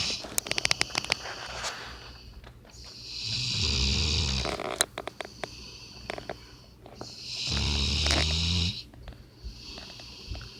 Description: Dog that acts like a person and snores like one too.